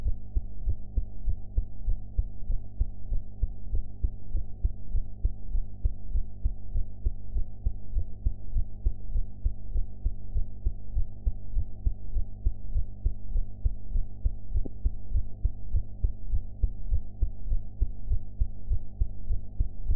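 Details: Own heart sounds recorded after eating, quality enhanced: steady, deep, muffled heartbeat at about 100 beats a minute over a low hum; ordinary heartbeat, slightly fast.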